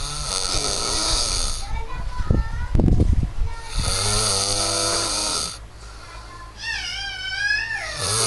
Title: Loudest Snore ever